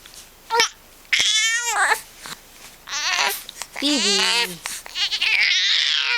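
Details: A 7-week-old infant boy with hiccups fusses and whimpers angrily, broken by a few brief, sharp hiccup catches between cries.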